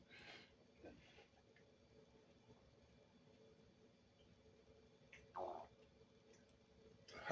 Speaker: was my stomach did everybody hear that that was my stomach gurgling from the coffee going through